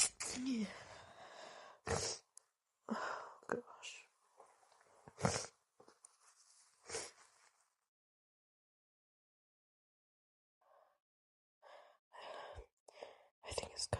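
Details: Female trying to stifle wet sneezes: several sharp, stifled sneezes with breathy gasps and snorts between, a quiet pause, then more muffled, desperate sneezes; sneezing.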